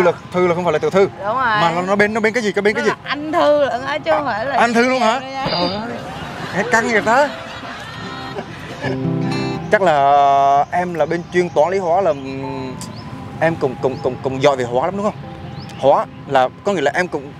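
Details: Acted stuttering by a young man in a prank video, speaking with repetitions: stuttering (acted)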